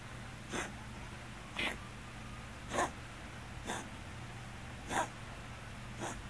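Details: Scottish Fold cat with hypertrophic cardiomyopathy, occasional and recently frequent hiccup-like cough: six short, sharp hiccup-like coughs about a second apart over a low steady hum.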